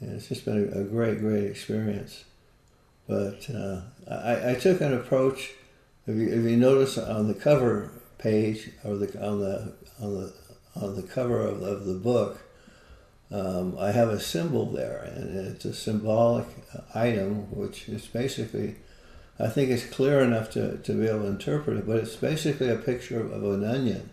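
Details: Man with Parkinson's disease for more than 20 years, visible shakes, and reported moments of 'a stupor of thought'; Parkinson's disease speech with frequent word and phrase repetitions.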